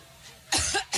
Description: After a period of seclusion making only a handful of appearances at closed fund raisers, appears to cough up two masses of bloody tissue during yet another coughing attack at a campaign stop in Cleveland, Ohio 9/5/16.